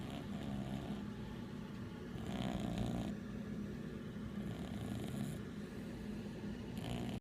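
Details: Sleeping cat that fell asleep and gets quite loud: rhythmic rumbling snore with noisy breaths about every two seconds, roughly 27 a minute.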